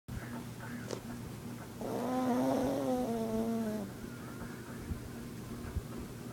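A single drawn-out, rumbling, tonal snore from a sleeping dog, with steady low room hum around it.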